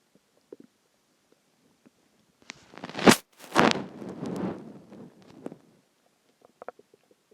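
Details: A few hours after a huge meal (cheeseburger, fries, eggs, onion rings, cheese stick, chicken tenders): quiet gurgles, then a loud drawn-out rumbling growl lasting a few seconds; stomach growling, borborygmi.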